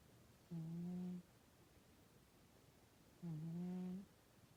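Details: Sleeping cat: two soft, steady, low humming snores a few seconds apart over quiet room hiss; snoring.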